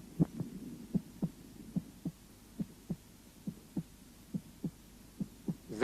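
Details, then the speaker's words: Normal heart sounds at the apex, where S1 and S2 are told apart by timing against the apical impulse or carotid pulse: regular paired lub-dub beats at about 70 a minute. "аускультация сердца начинается с выслушивание верхушки для отличия 1 тон от 2 звуковые явления сопоставляют с верхушечный толчком или пульсацией сонной артерии"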